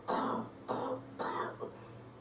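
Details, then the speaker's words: Female surgeon with COVID-19, day 19, coughs up phlegm after chest percussion (lung drumming) and mouth-exhale breathing technique, lungs feeling tight; three short harsh moist coughs in quick succession bringing up three lumps of sputum; productive cough. "I think that's a really good way at least I found to really get that deep stuff coughed up so that means I got three loogies out of that"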